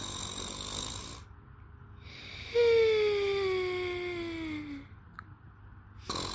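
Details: Two people sleeping and snoring: a long, high, whistling snore slowly falling in pitch, with quieter snoring breaths before and after.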